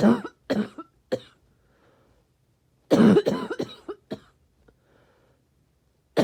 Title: Barky cough